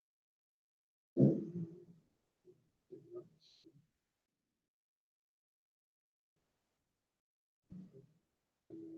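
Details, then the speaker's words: EMG recording of nerve hyperexcitability, in the context of ALS and hyperexcitability syndromes: quiet, irregular bursts of low buzzing, popping discharges separated by silences. "But when we see this sound, it's very characteristic of a certain of a nerve irritability or hyperexcitability."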